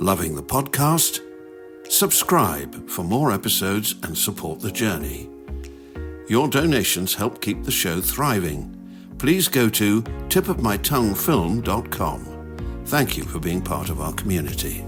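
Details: Adult male speaker; fluent speech.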